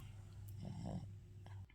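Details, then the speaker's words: Snoring from a resting female dog: a low, steady rumble swells into a louder, rattling snore on an inward breath, then settles back into soft snoring. "Look, this is what's been making all that noise. You been snoring? You've been snoring through my video."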